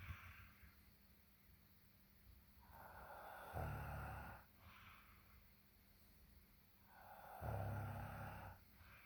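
Two slow, low rattling snores about four seconds apart, with quiet breathing between, over faint room hum; ordinary snoring.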